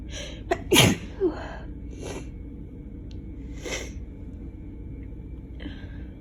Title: Summer Cold Sneezes